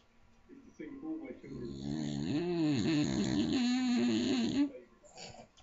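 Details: Sleeping female Staffordshire Bull Terrier snoring very loudly: a drawn-out snoring breath with a whistling, tonal quality.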